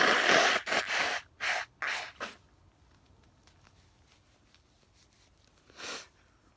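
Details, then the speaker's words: Sniffly person sneezing, then blowing their nose into a tissue: a burst of loud sneezes and nose-blowing, then quiet sniffles and one more blow; sneezing. "see still sniffly it's always the same anyway there you go i blew my nose and the sneeze is finished love you all bye"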